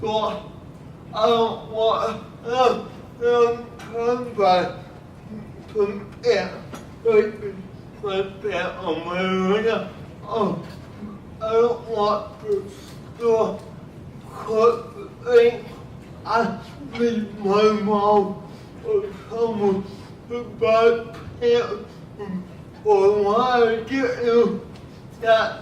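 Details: Adult filmmaker speaking at a cerebral palsy event, with heavily garbled speech; the video does not explicitly state his diagnosis, so cerebral palsy-related dysarthria is suspected. Finding: dysarthria.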